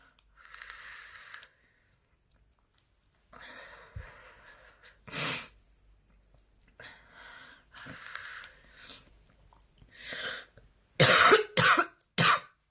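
Breathy exhalations and throat sounds, then a run of three sharp, forceful coughs: a persistent coughing fit.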